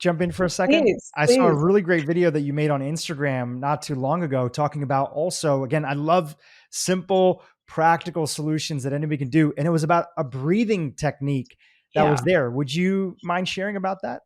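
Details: Adult speaker; Normal speech.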